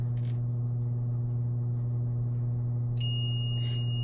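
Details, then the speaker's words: Zoll monitor defibrillator charging after energy selection (maximum 200 joules) by pressing the charge button: steady high electronic tone over a low hum, stepping to a new pitch partway through, before a shock. "so you can select your energy so you can charge it you just hit the charge button"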